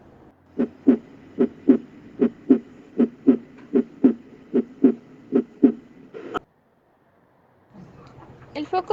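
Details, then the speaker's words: Normal heart sounds at the mitral area (cardiac apex, left fifth intercostal space, midclavicular line): regular paired lub-dub at about 75 beats a minute. "El foco mitral se encuentra en el ápex cardíaco, en el quinto espacio intercostal izquierdo, línea medioclavicular. Corresponde al área de la punta del corazón. Se escuchan aquí mejor los ruidos originados de la válvula mitral, debido a que existe mayor centrado del ventrículo izquierdo en la pared costal."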